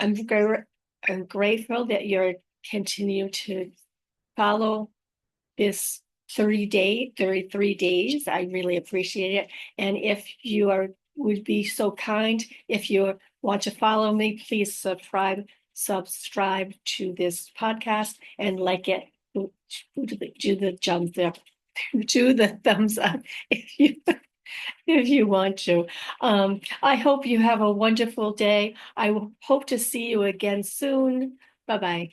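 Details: Aphasia after a stroke with apraxia of speech in a woman who also reports dysarthria; unedited recording made on a good day, in the morning, with pauses and errors left in; aphasia with apraxia of speech.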